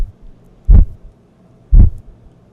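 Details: Manual blood pressure measurement with cuff and stethoscope: cuff inflated to 240, slowly deflated; two soft low thumps about a second apart over the brachial artery; Korotkoff sounds beginning at 120 and ending at 70 (120/70).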